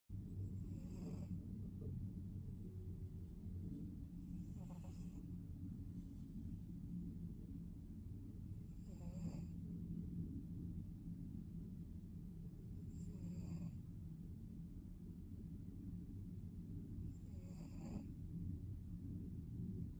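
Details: Sleeping middle-aged male cat snoring softly and steadily, about 14 breaths a minute, over a low background rumble.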